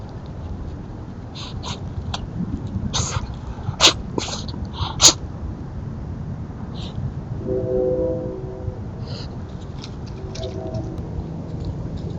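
Two sharp, brief nasal bursts from a raccoon, a sneeze, over steady outdoor background noise.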